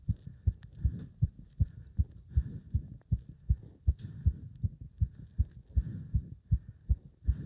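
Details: Heart sounds recorded during leg wrench exercise: loud, regular, pounding beats at about 160 per minute, with pounding felt up to the subclavian artery; rapid forceful heartbeat during exertion.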